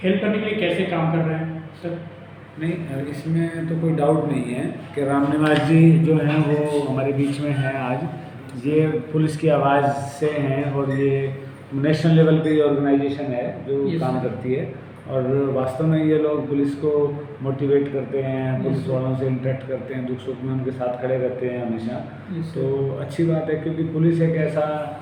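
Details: Adult male speaker; fluent speech.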